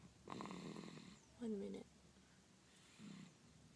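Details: Mild snoring in a sleeping baby: soft, quiet snoring breaths with one brief whistling, squeaky sound in a quiet room.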